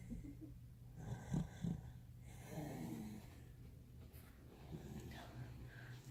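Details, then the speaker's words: Pet dog snoring while lying beside an L-shaped desk, recorded on a Samsung S9 phone; snoring. "I don't know if you can hear my dog snore he's right um so my desk is an l-shape and he's he's right here and he's snoring"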